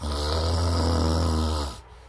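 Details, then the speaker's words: One low, rattling snore under two seconds, made deliberately through the nose by an awake adult to vibrate the nasal septum, in a review of an anti-snoring device: imitated snoring. "thì nháy bằng mũi thì nó sẽ làm rung cái vận cái vách mủ của mình để tạo ra tiếng ngáy"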